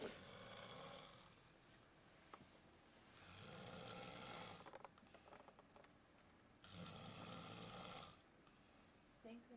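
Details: Snoring labelled "Big Bear in a cave": three rough, rattling inhaled snores at about 18 breaths a minute, separated by quieter exhalations, in a quiet room; ordinary snoring.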